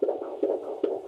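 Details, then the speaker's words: Rapid, regular whooshing fetal heartbeat, about 150 a minute, on a handheld Doppler fetal heart monitor used by a midwife at the pregnant woman's home; she hears it for the first time, and it is called very healthy. "a fetal heart monitor lets her hear her baby's heartbeat for the very first time"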